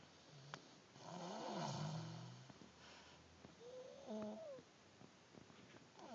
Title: Snoring baby